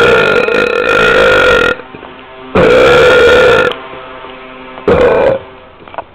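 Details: Three long, loud, deep belches of about a second each, recorded in the street with faint background noise between them; repeated burping.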